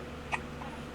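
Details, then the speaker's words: One short, sharp hiccup from an infant against a quiet room: hiccups. "Got the little hiccups? Hmm? Or did Daddy scare him away from you? Oh, you still got him? Ah!"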